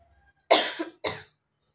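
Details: Simulated voluntary cough by an adult female acting as a patient in a nursing student's return demonstration, coached to cough using abdominal muscles after chest percussion and vibration. Two short, forceful, effortful coughs.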